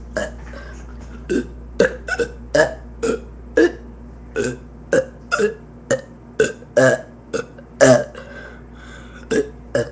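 About twenty short, voiced belches in quick succession over ten seconds, with steady low hum behind; repeated burping.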